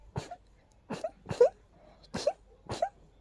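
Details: Person with an unusually intense allergy sneezing fit, strong nasal irritation: five sharp, explosive sneezes in rapid succession within three seconds, each with a short inward catch; sneezing fit.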